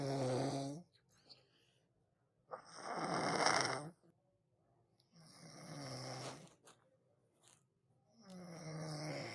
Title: Real snoring Sound | Annoying Sounds